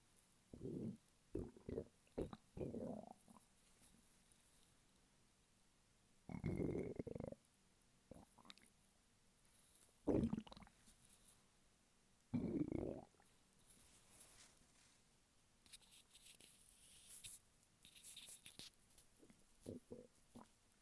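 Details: Adult male lying flat on his bed while hungry: irregular gurgling and rumbling bursts from an empty stomach, hunger borborygmi.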